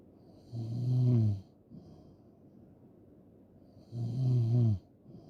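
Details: Two loud, low, rattling snores on breathing in, about three and a half seconds apart with quiet breathing between, from a loud snoring ASMR recording; snoring.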